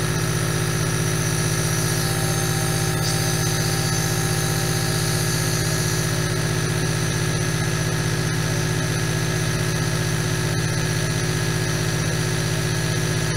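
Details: Continuous loud buzzing hum of a compressor with a steady hiss of aerosol; a nebulizer running.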